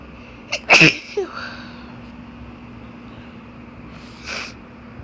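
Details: Barking sneezes: a sharp, loud, explosive barking burst, then a softer second sneeze seconds later; sneezing.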